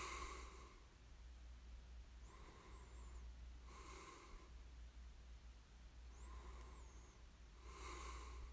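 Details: Snoring ASMR: slow sleep breathing at about 14 breaths a minute, with a high nasal whistle on each inhale and a noisy exhale over a steady low hum, light snoring.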